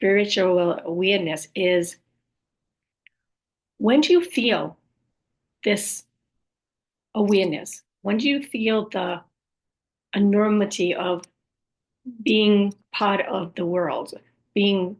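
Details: Aphasia with apraxia of speech in an adult woman after a stroke, who also reports other communication challenges and says her speech is sometimes hard to understand; aphasia with apraxia of speech.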